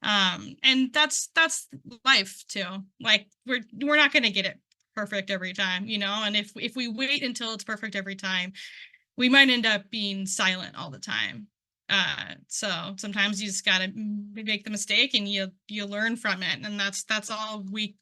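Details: Adult who stutters, speaking at a stuttering conference, involved in stuttering communities for about 10 years; word and part-word repetitions are audible; stuttering.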